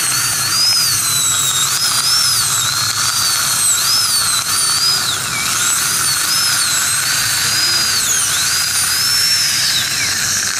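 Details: Continuous shrill whine of a high-speed dental drill rising and falling in pitch during crown abutment preparation using a gingival protector.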